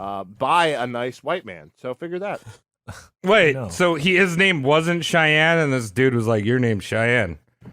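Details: Adult speaker; normal speech.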